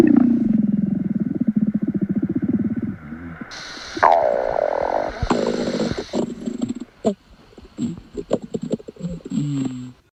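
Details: A long low rumbling growl, then squeaky gurgles and bubbling: stomach growling from gas and fluid moving in the gut; borborygmi.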